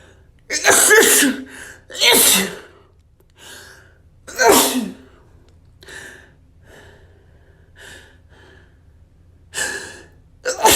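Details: Escalating run of three loud sneezes with gasping breaths between them, then softer catching breaths and a fourth sneeze beginning; sneezing.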